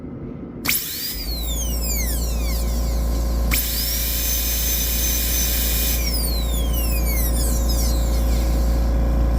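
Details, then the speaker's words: Dental-school bench test of a class II DO amalgam prep on a maxillary first premolar, using a 330 bur to lower and flatten the pulpal floor: loud high-pitched drill whine in bursts over a low motor hum; dental high-speed handpiece. "I'm going to uh drop the floor a little bit lower so with 330 I can safely uh drop the floor as well and extended making it flatter"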